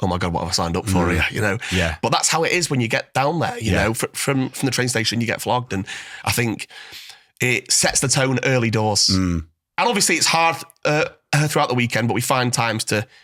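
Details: Adult male former Royal Marine whose stutter began in childhood after stammering while reading aloud at a school assembly; he says it has improved in recent years through practice with voice notes; stuttering.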